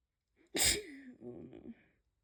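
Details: A single sharp sneeze burst followed by a short voiced trailing sound, from a person with chest pain and barking coughs left over after a cold.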